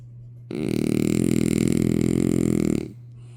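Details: One long, loud, rattling snore during a single breath, then quiet; heavy snoring.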